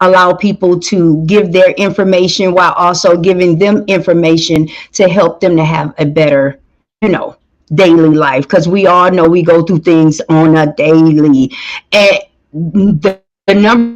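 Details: Adult speaker; Normal speech.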